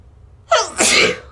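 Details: A voiced intake followed by a forceful, explosive burst of air, a single sneeze; the sneezer blames an allergy.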